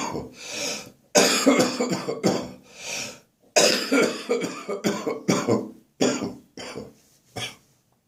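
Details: Adult morning cough during a spring cold: bouts of harsh, rattly coughs with noisy, wheezy breaths drawn in between; chesty cough with wheeze.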